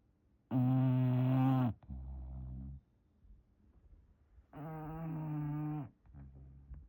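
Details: English bulldog snoring while sleeping in a blanket: loud, rattling, buzzy breaths with quieter snorts between, in a slow, repeating rhythm.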